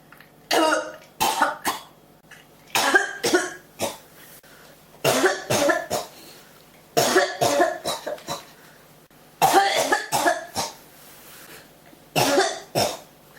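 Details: Repeated bouts of harsh coughing, three to five coughs each, returning every couple of seconds without settling; a cough that won't stop, tagged with pneumonia.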